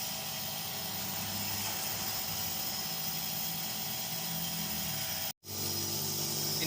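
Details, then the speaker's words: Nursing student's nebulization therapy return demonstration on a role-play patient: steady loud mechanical hum and hiss of the running nebulizer air compressor producing fine medication spray, with one brief dropout. "fill the nebulizer cup with the ordered amount of medication yes turn on the air compressor observe the fine spray from the nebulizer"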